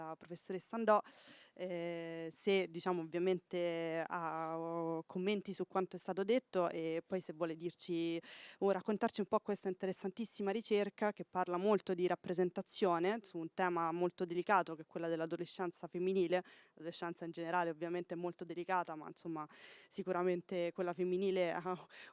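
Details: Adult speaker; normal voice.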